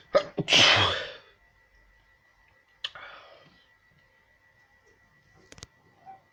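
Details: Repeated non-stop sneezing, one sneeze after another.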